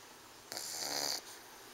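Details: Pug snoring: a single hissing, raspy breath sound lasting under a second against quiet room noise.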